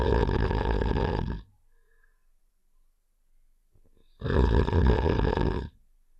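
Two long, rough, rumbling snores with a quiet pause between, a cartoon sound effect.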